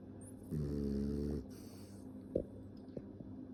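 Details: Snoring: one buzzing, tonal snore on an in-breath, followed by quiet breathing with a few small snorts.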